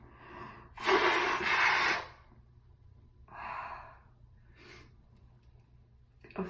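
A loud, explosive sneeze burst, then quieter blowing sounds that fit a nose blow, in a quiet room.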